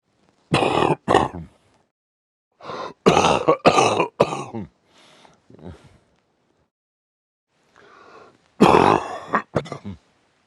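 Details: Man coughing during sleep: about ten harsh, throaty coughs in three bouts, with quiet breathing between them.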